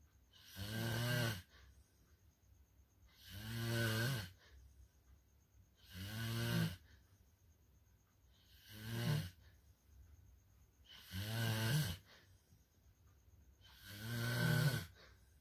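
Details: Heavy adult snoring during sleep, called "level 3" and very disturbing: six loud, rattling snores on the in-breath, about 22 breaths a minute, with quiet pauses between.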